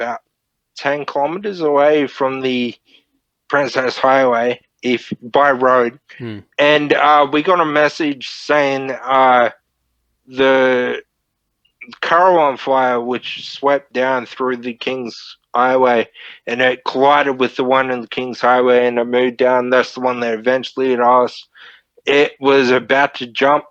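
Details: Man, 31, with Friedreich's ataxia diagnosed at 14, a neurodegenerative disorder; wheelchair user since about 23; he reports slurred speech and word-finding struggles as part of the disorder; finding: ataxic dysarthria.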